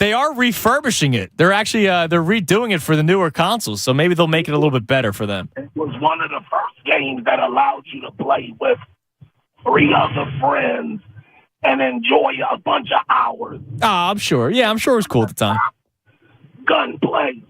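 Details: Adult male speakers, radio studio and phone line; normal speech.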